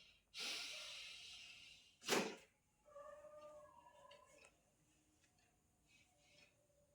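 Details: Two sharp nasal bursts of air, a forceful snort-like exhale, then faint voiced sounds in a quiet room, from a patient being told to relax during chiropractic adjustment for PIVD (slipped disc) back pain.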